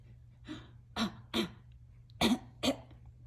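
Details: About five short, soft cough-like bursts from a 5-month-old girl, awake late at night, a playful fake cough rather than an illness cough.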